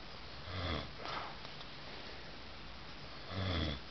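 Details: Man snoring in sleep, keeping partner awake: two loud, rattling low snores about three seconds apart with quieter breathing between; typical snoring.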